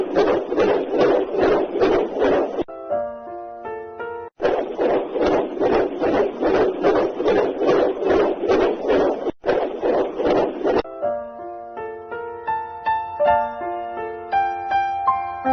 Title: Detector Fetal Doppler Ultrasound